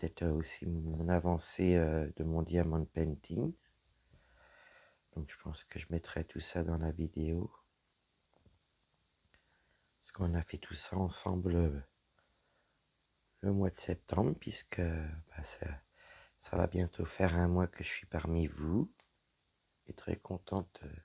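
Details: Woman whose vocal cords were damaged by a serious health problem; voice deeper than before, at times little voice, unable to speak loudly; low-pitched voice; dysphonia from vocal cord damage.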